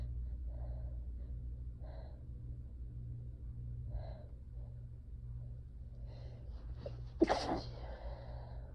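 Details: Tired, slightly feverish person, stressed and unsure whether it's ragweed-season allergy or an oncoming illness; soft breathy teasing catches build up to one sharp sneeze over a low room hum; first of about four clips from the same sneezing fit.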